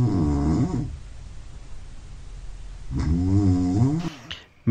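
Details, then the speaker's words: Man's snoring recorded with the Roncolab phone app the night before trying an anti-snoring tongue-retaining device; he attributes it to excessive tongue relaxation and mentions sleep apnea. Two loud, rough, rattling snores with a pause; app found 41% of sleep spent snoring loudly. "para eso primero usé la aplicación roncolab que monitorea y graba el nivel de ruido de los ronquidos Esta es la grabación una noche previa"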